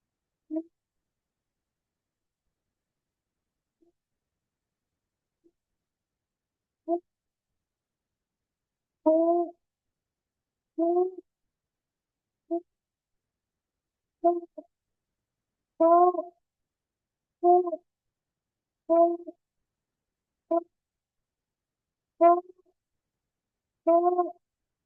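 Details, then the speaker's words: Young girl with croup (subglottic obstruction) and inspiratory stridor: repeated short, hoarse, high-pitched, honking, bark-like coughs. Croup barking cough. "Okay. So that's that's CRO which is luringo"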